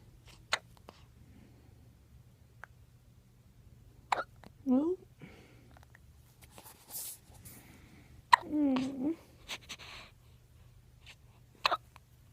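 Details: Hiccups: several sharp, abrupt clicks with short voiced catches scattered over about twelve seconds, with faint room hum.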